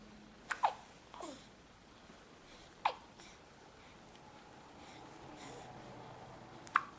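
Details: Baby with hiccups: several brief, abrupt hiccup sounds spaced irregularly over seven seconds, with faint room noise between them.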